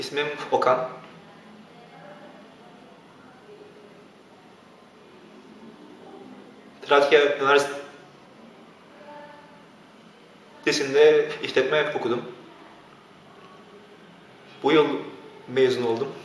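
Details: Young man speaking Turkish, with long pauses and blocks between words; stuttering (blocks).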